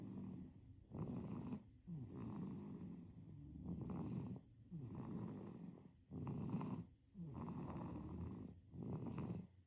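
Soft, fluttering snores with each breath, about 23 breaths a minute, in a sleeping baby.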